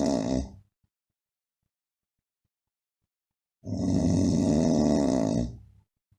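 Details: A relative's snoring during sleep: loud, rumbling snores at an even rhythm without pauses, described as typical of older people and not risky, unlike the stop-start pattern of sleep apnea; simple snoring.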